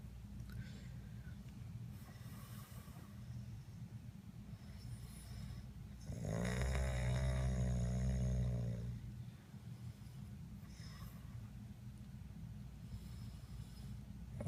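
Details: Person passed out after drinking tequila gives a single long, loud, rumbling snore of about three seconds over a low background hum.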